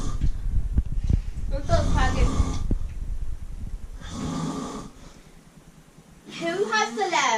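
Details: Man and cat napping together, snoring: loud, rattling low snores with snorting bursts, alternating with quieter breaths; ordinary snoring during a nap.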